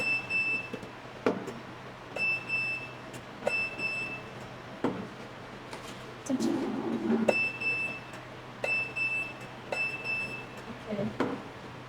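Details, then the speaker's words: Glass-tube CO2 fractional laser demonstrated in single mode (maximum power 100%): separate sharp clicks, some paired with short high beeps, spaced irregularly over quiet room hum; single-pulse firing. "And the single one. And the single, the maximum power is 100%. Maybe the single mode like this."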